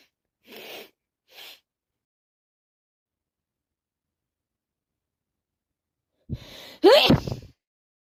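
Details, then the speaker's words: Person with a cold that turned into sinusitis plus allergies, itchy and congested nose for three days: two soft sniffing inhalations, a pause, then a sharp gasping intake and one loud explosive sneeze. "The cold turned into a sinus infection. Now she's like a tunnel and running and running. My nose is so itchy and congested. They sneeze again."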